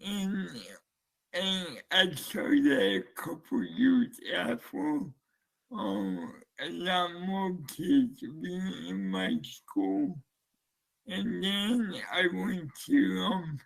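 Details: Dysarthria (slurred speech) in a man who uses a speech-captioning app, heard after the captioning was switched on.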